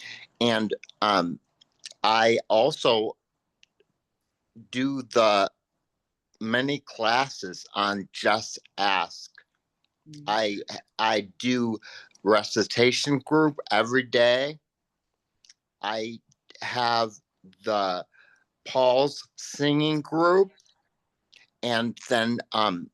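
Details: Post-stroke aphasia in a man, a panelist at an aphasia conference; real, unscripted speech.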